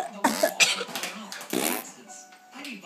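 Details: A dog gives about three short, harsh coughing bursts while a television plays in the background. Cough.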